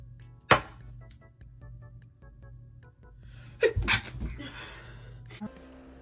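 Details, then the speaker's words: A sharp explosive sneeze, then a louder second sneeze with an inward breath, over faint background music, from someone who says even looking at the sun makes them sneeze; sneeze. "So I'm not too sure I'm GOING TO SNEEZE. OH MY GOD. IF I EVEN JUST LIKE LOOK AT THE SUN, I'll sneeze."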